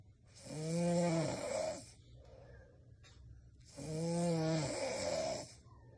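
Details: Snoring: two loud, rattling, buzzy snores on the in-breath, about three seconds apart, with quiet breathing between them.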